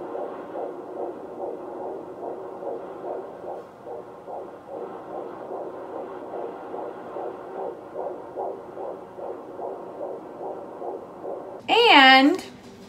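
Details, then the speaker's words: Fetal heartbeat on Doppler at a 16-week prenatal checkup, 16 weeks 2 days pregnant: rapid, regular whooshing at about 145 beats a minute, within the normal range. "we just got back from our 16 week checkup even though I'm 16 weeks 2 days they just do it within that week and we got to find that our first of all we saw the heartbeat or we got to hear the heartbeat and we got a clip of that"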